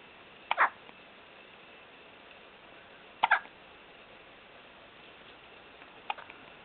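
Three brief, sharp hiccup sounds over about seven seconds, spaced irregularly against quiet room noise.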